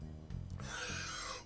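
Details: An adult speaker having an unusually bad breathless day despite taking medication gives a drawn-out, raspy breath with a faint whistling edge; wheeze from narrowed airways.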